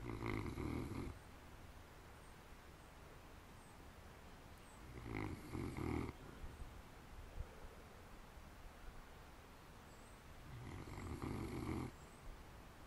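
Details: Three loud, rough snoring breaths about five seconds apart, roughly twelve a minute, with quiet breathing between, from sleepers; ordinary snoring.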